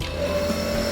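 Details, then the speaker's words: Steady mechanical hum with a faint whine from an Omron compressor nebulizer running with a mask, delivering saline mist, no Ventolin, to a child with cough and cold to thin the mucus. "Ya, kita menggunakan asap, lalu kita nyalakan. Kita nyalakan ya, biar batuk atau dahaknya ini lendirnya encer ya."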